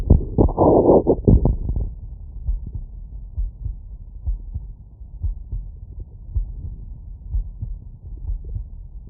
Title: Heartbeat auscultation stethoscope heart sounds lay down after workload